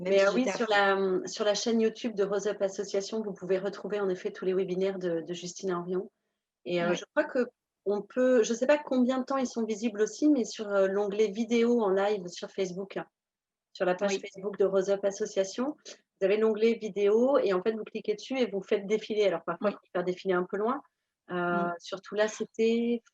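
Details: Adult woman speaking French; normal voice.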